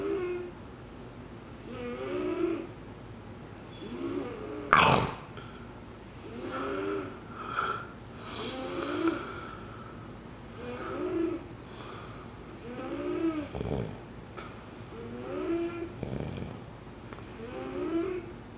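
Soft, squeaky, whistling snores with each breath, about 25 a minute, with one sharp snort; light snoring.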